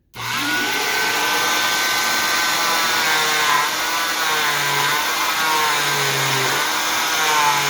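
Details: Oscillating cast saw cutting a cast over a zip stick barrier during cast removal: steady high-pitched whine with shifting pitch as it cuts through the cast.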